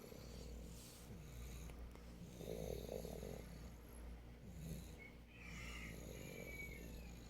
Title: a very loud snore